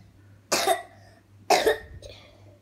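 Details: Young girl with an ongoing cough, linked by her mother to eating ice cream and cold drinks: two loud, harsh coughs a second apart with a softer sound after.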